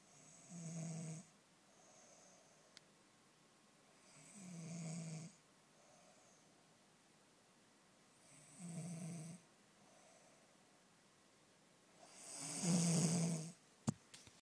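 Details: Woman's regular snoring: four rough breaths about every four seconds (about 15 a minute), the last one louder. She reportedly says she never snores.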